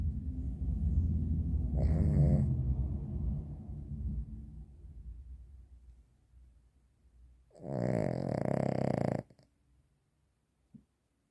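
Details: Female Cavalier King Charles spaniel snoring: two rumbling snores, a long low fluttering one, then a shorter, louder, harsher one after a pause.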